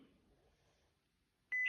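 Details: Near silence, then a sudden steady high-pitched beep: an AED alert tone during a defibrillator demonstration, between voice prompts to press pads to bare skin and not touch the patient while analyzing.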